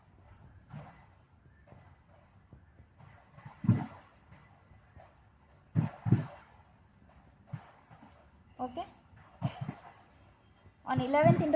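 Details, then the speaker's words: A practical demonstration of posterior chest percussion down the mid-scapular line, where the tapping note turns dull at the lower lung border, marking the lung's lower edge. "space we will get dullness so by doing this we get to know the borders of long"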